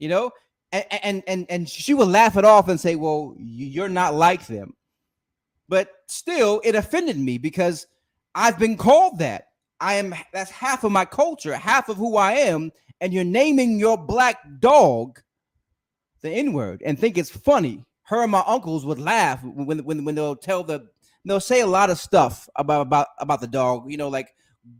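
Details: Adult male host with a self-described speech impediment, stuttering during an unedited live stream; stuttering.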